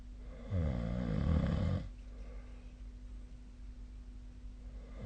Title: 🐽 本日のイビキ / Snoring Sleep Sound 2025/02/25